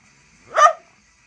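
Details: A single short, forceful burst of air from a dog, with a slightly bark-like snap. Dog sneeze.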